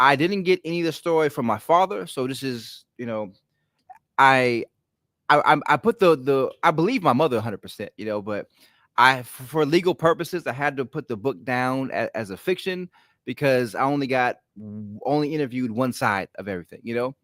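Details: Adult male with a lifelong stutter, ten times worse in childhood, worse when excited or relaxed; here visibly concentrating; stuttering.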